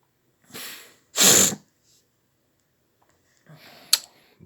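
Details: Woke up sneezing and coughing after four hours' sleep, feeling rundown: two quick sneezes, a soft one then a loud explosive one, followed by a sniff and a brief throat sound.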